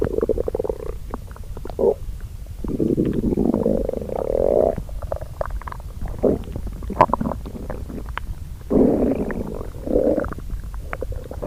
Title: Stomach growl She's hungry Very Starving